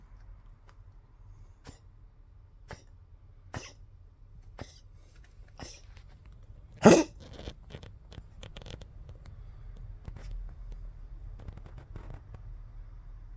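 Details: A Poodle with tracheal collapse coughs constantly: repeated short dry coughs with one louder, harsh honking, duck-like burst midway.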